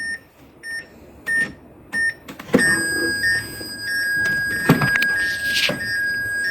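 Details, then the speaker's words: A manual defibrillator (not an AED) demonstrated on a simulator for a VF or tachyarrhythmia cardiac-arrest scenario: repeated monitor beeps, then a steady high-pitched charging tone as it charges to 200 joules, ready to shock. "Let's say he has VF or any cardiac arrest condition or tachyarrhythmia. We can click on charge. Okay, right now it was on 200 joules."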